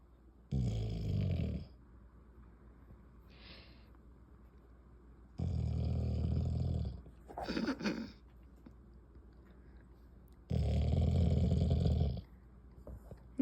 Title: Milli snores like crazy!